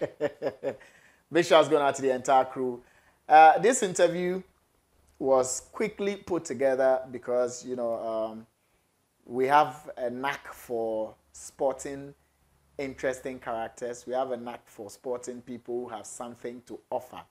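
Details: Adult man speaking; normal fluent speech.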